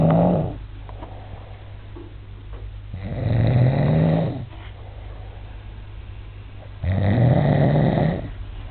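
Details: A man snoring in sleep, filmed to prove he snores: loud, low rumbling snores on each breath in, about 16 breaths a minute, separated by quieter exhalations.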